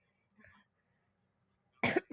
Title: Tonsillitis and Cough again🥲